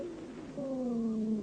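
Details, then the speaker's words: Wheezes (dry rales) over the chest of a patient during a bronchial asthma attack: musical, high-pitched whistling tones sliding downward. "сейчас вы слышите сухие хрипы у больного во время приступа бронхиальной астмы"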